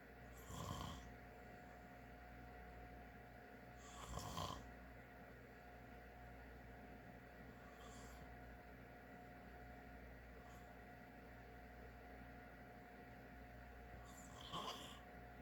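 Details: Adult father asleep: soft rasping inspiratory snores, about four loud ones over fifteen seconds, with fainter breaths between, against a steady room hum; snoring.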